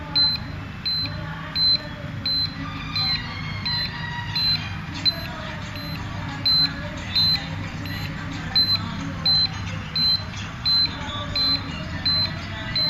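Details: Carestream CS 2100 dental X-ray unit fault: continuous short high beeps from the buzzer, about 29 a minute, after the exposure switch is pressed, with no exposure sound; the cause was a loose power board to head jack connection.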